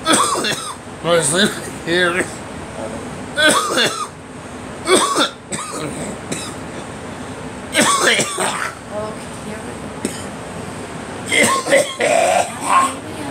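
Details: Coughing outdoors that the person blames on allergies flared by driveway sweeping and leaf blowers: repeated coughs and throat clearing mixed with voiced effort sounds, against traffic noise.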